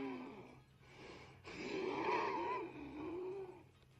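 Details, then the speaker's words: Adult wheezing that sometimes wakes the person from sleep: noisy breaths with a whistling, musical tone running through them. "And I wake myself up sometimes because I can hear myself Yeah. wheezing."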